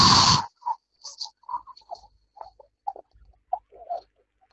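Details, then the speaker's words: One loud, hard, rushing breath out for about half a second, then quiet faint sounds: a forced maximal expiration after full inhalation during a spirometry test demonstration. "kemudian hembuskan dengan cepat secepatnya dan sekuat-kuatnya ibarat meniup lilin atau bapak boleh ibaratkan meniup kompor sampai habis sekali sedot sekaligus"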